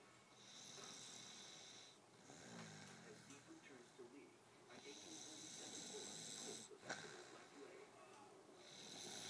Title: Snoring grandma